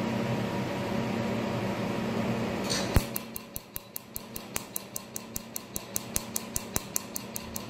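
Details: Laser tattoo removal pulses: steady room hum, then a run of sharp regular snapping clicks about two or three a second during tattoo removal; the patient, asked, says it is not painful.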